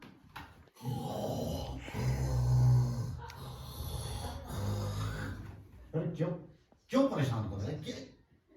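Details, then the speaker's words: Simulated snoring: a son makes loud, exaggerated snorting snores in bed at night as a prank on his father, with Hindi talk between; imitation of snoring. "अरे भाई नींद आ रही है, क्यों खर्राटे भर रहा है? आराम से सो जा। मैं थोड़ी भर रहा हूँ, आ रही है घराटे, क्या करूँ?"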